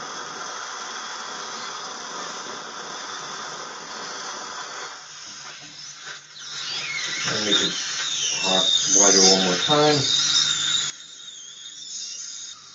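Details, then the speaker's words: Real patient guided implant surgery: high-pitched whining drill bursts with fluctuating pitch over room noise as the implant site is widened after the 2.2 drill osteotomy near the sinus; dental implant drill. "we're going to start our osteotomy with the 2.2 drill guy to drill foreign ERS"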